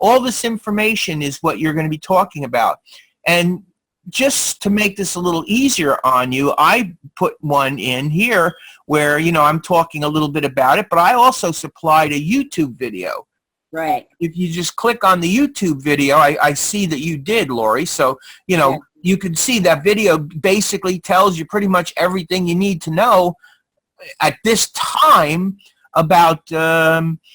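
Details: Adult speaker, recorded online session; ordinary speech.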